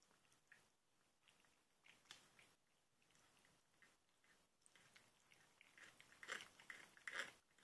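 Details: Irregular dry crunching and scraping clicks, louder toward the end, from a cat grinding its teeth: teeth grinding (bruxism).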